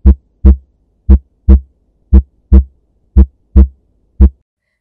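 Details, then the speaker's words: Clear, regular lub-dub heartbeat at about 58 a minute; normal first and second heart sounds (S1 and S2). "the two major sounds heard in the normal heart sound in the escalation is like lo"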